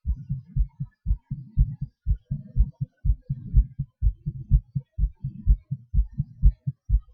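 Regular low paired thumps at roughly 120 beats a minute with some rate variation; heartbeat sounds.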